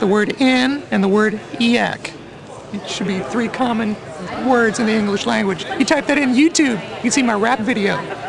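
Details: Adult male with a persistently high-pitched voice, which he calls mutational falsetto; mutational falsetto (puberphonia).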